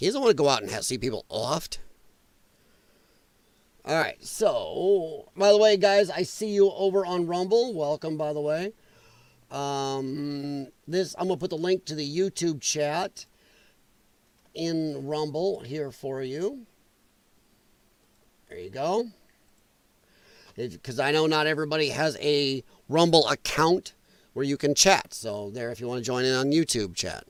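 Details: Dysphonia in a male speaker, who attributes it to vocal cord damage from infections related to his lung problem; he formerly sang in show choir and regards it as a disability.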